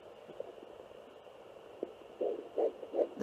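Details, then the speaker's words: Fetal heartbeat on a home fetal Doppler, found just after the mother's own slower pulse: faint hiss gives way to fast, rhythmic whooshing pulses about 158 a minute. "so as you guys can see it can get really confusing especially when you first start that's why I when I found my own I was like oh there's a baby no it's mine"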